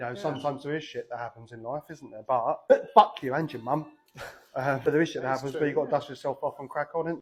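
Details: Adult man speaking; Vocal tics (coprolalia) in Tourette syndrome.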